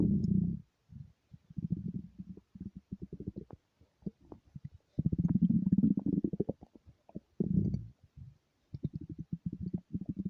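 Low, bubbling gurgles and rumbles come in repeated bursts with brief silent gaps: ordinary stomach growling from hunger.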